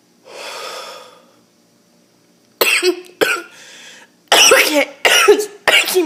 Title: Harsh choking cough